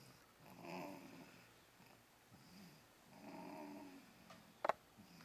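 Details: Sleeper went from screaming to snoring within seconds; two slow, soft rasping snores about three seconds apart, with a brief click near the end, in a quiet room.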